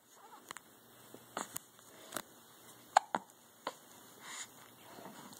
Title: Hiccups and Smiles